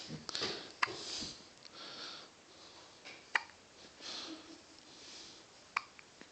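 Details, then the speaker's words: Baby girl hiccuping: three sharp, brief clicks about two to three seconds apart amid quiet breathing and sniffing; hiccups. "This is the lily pad, and this is her hiccuping."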